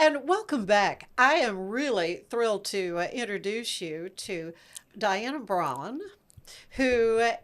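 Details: Adult woman speaking; normal voice.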